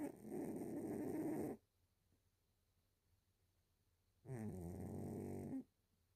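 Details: Two long, loud, rough rattling snores about 14 breaths a minute from a sleeping cat; cat snoring.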